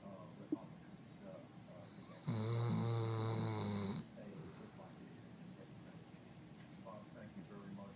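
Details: Snoring dog: a single loud, buzzing, vibrating breath lasting under two seconds over quiet room noise.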